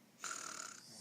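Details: Child lying down imitating an uncle's snoring at his father's prompting; a single brief, breathy, hissing snore-like breath with little low rumble; imitated snoring, not true snoring.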